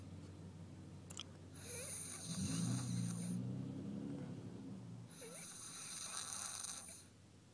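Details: A person snoring: loud, rough, low-pitched snores with each breath in, two long noisy cycles separated by quieter breathing in a small room.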